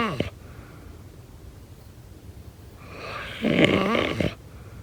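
A loud, rattling snore on an in-breath after a quiet pause, with a softer snort at the start. Ordinary snoring.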